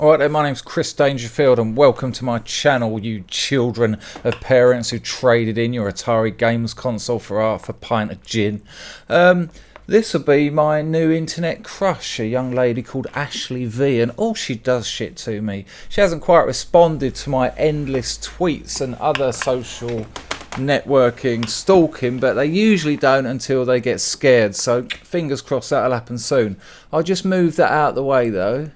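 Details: Adult male speaker; normal speech.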